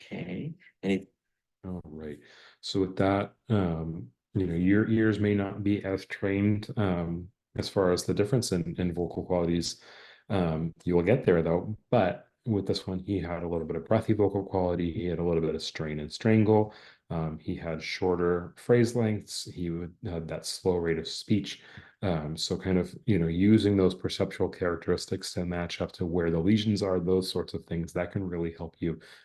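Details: Adult male speaker; normal speech.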